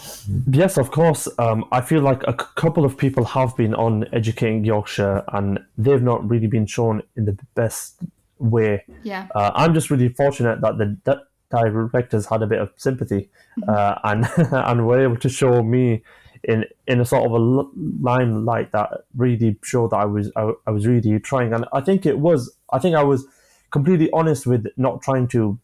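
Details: 25-year-old man with stammering (stuttering) since early childhood, which he says began after an asthma attack; he experiences blocks and manages them with breathing methods and pauses; stammering (stuttering).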